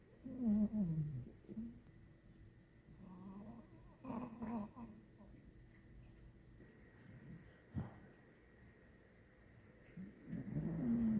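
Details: Sleeping dachshund and pit bull dogs snoring: low, rumbling snores in irregular bursts every few seconds in a quiet room.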